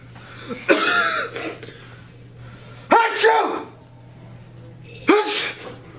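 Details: A sneeze from a high school public service announcement short film.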